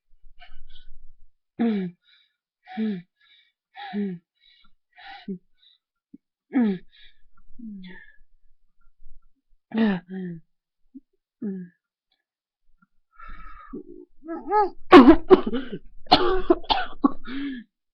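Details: Repeated short, voiced, strained cough-like bursts build into louder retching gags as the airway gives way: coughing with gagging.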